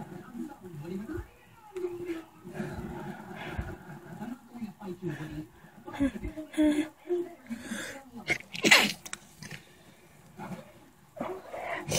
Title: Requested muffled sneezes